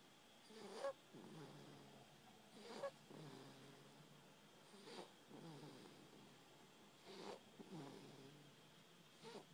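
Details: 5-week-old baby sleeping after nursing: soft, regular snoring at about 12 breaths a minute, each breath with a brief louder snort.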